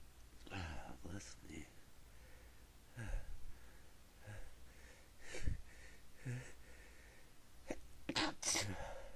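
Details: Person trying to stifle sneezes; several soft, muffled, suppressed sneezes and a couple louder ones near the end, quiet breaths between, unable to stop; stifled sneezes.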